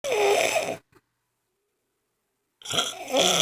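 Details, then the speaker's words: Woman snoring during sleep, as she does all night long: two loud, rough breathing noises separated by a long silent pause. "oh this is what I do all night long"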